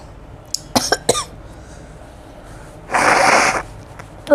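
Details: Cough from an adult tarot reader who says she is sick and has lost her voice, coughing and sneezing while recording.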